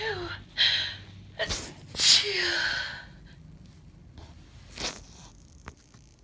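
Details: Female sneezing, from a compilation: two sharp, hissing sneezes, each led in by a quick voiced breath, then a softer sneeze-like burst; sneeze.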